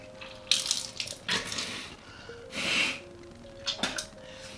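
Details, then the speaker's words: Freediver with a sinus squeeze and bloody nose does a NeilMed saline rinse, squeezing into one nostril without pinching: splashing, trickling and bubbling fluid draining through the nose, some blood. "So I'm not pinching or like putting any pressure. I'm just letting it simply rinse through."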